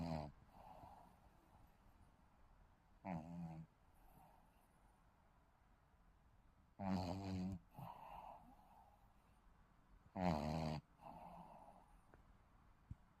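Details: Shih Tzu dog snoring: short rattling snores on each breath in, about 18 breaths a minute, with soft whistly breaths out.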